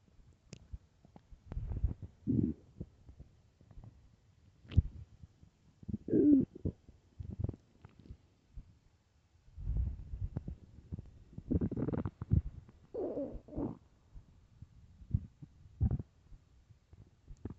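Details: Extremely loud, irregular low gurgling and rumbling bursts from the abdomen: stomach growling on an empty stomach, normal borborygmi.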